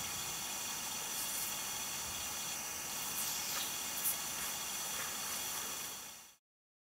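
Steady high hissing of an airway suction device clearing secretions from an infant with whooping cough.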